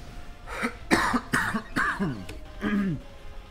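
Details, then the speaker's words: An adult coughing in the morning, who says they have phlegm in the throat every morning and can't cough it up: a run of short, wet-edged coughs and throat clearing; cough with throat clearing. "sorry about the coughing it's in the morning and for some reason i just every morning i have a flame in my throat and i can't cough it up sorry if that sounds gross"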